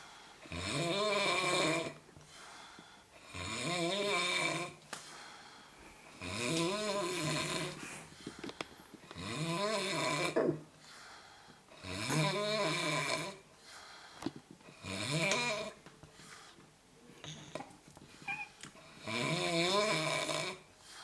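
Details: Heavy snoring: loud, rattling snores on each in-breath, about 7 to 8 a minute, with quiet out-breaths between them.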